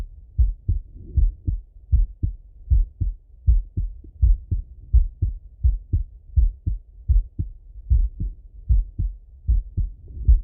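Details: Male heart auscultated with a stethoscope, recorded partly sitting at a desk and partly lying in bed: regular paired lub-dub at about 78 beats a minute with no added sounds; normal heart sounds.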